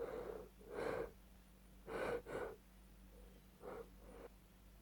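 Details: Female with a cold, indulged sneezes: short, sharp inward gasping breaths in quick pairs as a sneeze builds up, over steady low room hum.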